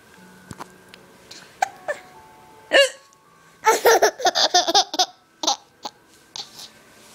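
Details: A mother and daughter hiccupping together: short, abrupt hiccups from both, broken up by laughter, against faint room noise. Audio only.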